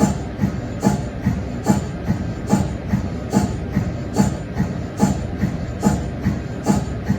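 A steady rhythmic mechanical chuffing at about 72 pulses a minute, the normal pumping of an MRI scanner's cold head.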